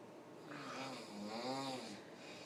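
One loud, rough, rattling snore on the in-breath; heavy snoring.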